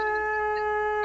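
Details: Normal low-pitched sustained phonation produced during a stroboscopy exam of the vocal cords.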